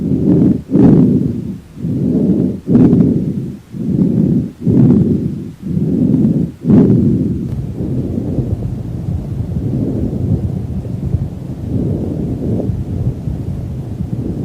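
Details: Lung sounds heard on auscultation of a horse.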